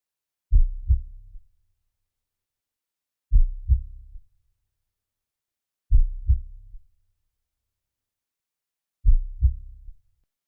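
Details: Deep, muffled lub-dub heartbeats, widely spaced at about 21 a minute against silence, played for calming.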